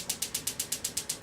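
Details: Extracorporeal shockwave therapy on Achilles tendonitis during a treatment protocol: rapid, regular sharp clicking pulses, about eight per second, from the unit.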